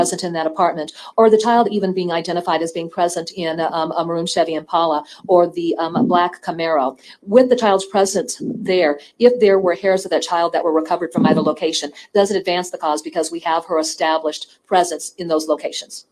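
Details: Adult speaker; ordinary speech.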